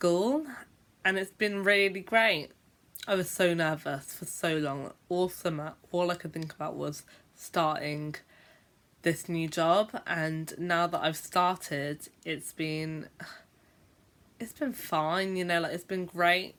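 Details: Adult female teacher who stammers (stutters) and says she blocks for a long time when speaking; stuttering (stammering).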